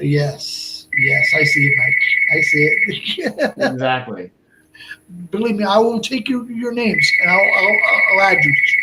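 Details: Man about 57 years old, over 8 years after a stroke at age 46 (March 2011), also a heart transplant recipient; Broca's aphasia.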